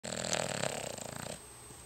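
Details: Cavalier King Charles spaniel dog snoring, as it does every day: a rough, fluttering snore on one breath, fading into quiet room noise.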